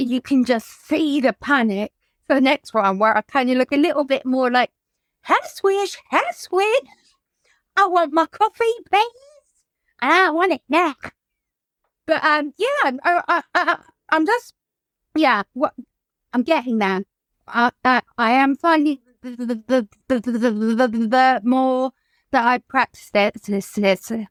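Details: Adult woman whose childhood stammer recurred in adulthood, brought on by lockdown and the trauma of losing her mother to suicide; repetitions heard; stuttering (stammering).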